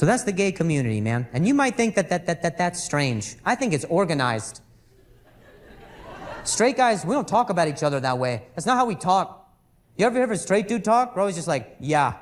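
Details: Adult male comedian who says he stutters and calls it a very mild speech impediment; word and phrase repetitions during a stand-up set; stuttering.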